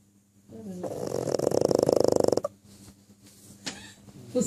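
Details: Pug snoring: a loud, rattling, buzzing snore builds over about two seconds, then quiets; snoring.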